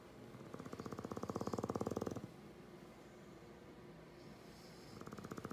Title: English Bulldog Snoring: English Bulldog sleeping sounds